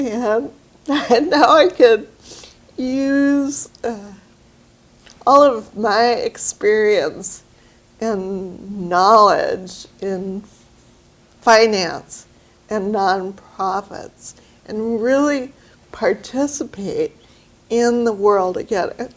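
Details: Woman with aphasia after a stroke about two years earlier, with great difficulty finding words and pronouncing them correctly; aphasia.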